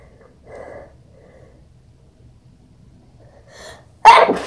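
Two quick build-up breaths, then one sharp, forceful sneeze, slightly muffled.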